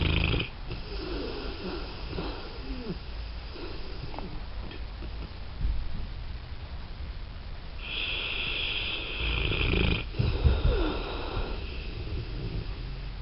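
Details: Rough, rumbling snores with snorting breaths and some higher whistling noises over steady background noise; snoring during sleep.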